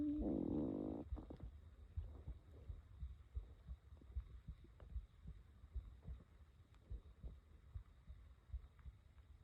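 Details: Loud gurgling rumble, then faint irregular low gurgles and soft thumps: stomach growling from hunger in a person who ate only an early breakfast, worked 18 hours, fell asleep, and reported sharp stomach pains; borborygmi.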